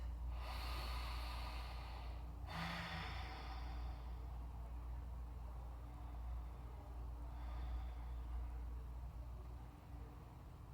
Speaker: My cat is like, he's kind of wheezy and he like snores when he breathes and sleeps. You can hear him right now.